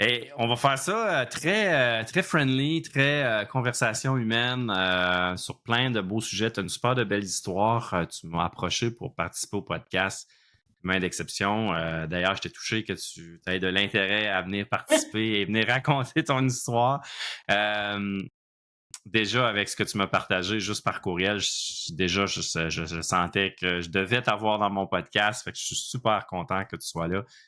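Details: Adult male speaker; typical speech.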